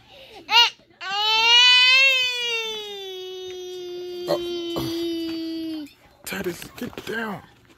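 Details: Infant crying during tummy time: a long, sustained, clear-toned wail lasting several seconds, then short broken cries; real tears noted afterward.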